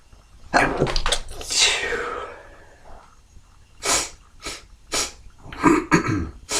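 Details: Sneezing, Wednesday morning: a run of about five explosive, wet, hissing sneezes, some in quick pairs; messy, spraying sneezes.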